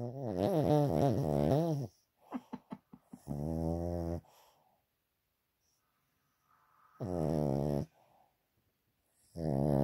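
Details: Dog snoring loudly while asleep, with loud, drawn-out tonal snores and short snorts between them in a quiet room; the owner wonders whether he is breathing properly and may have a vet check him.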